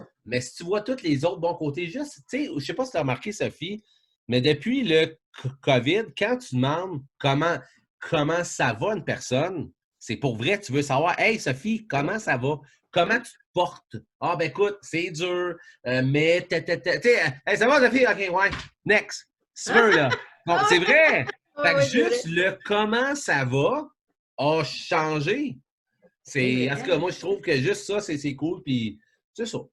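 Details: Adult man, event host, who says he now almost no longer stutters and that it worsens when he is tired; stuttering.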